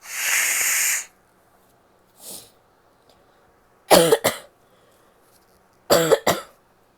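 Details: Adult female: a long hissing nasal blow, then a brief puff and two double-burst coughs; nose blowing.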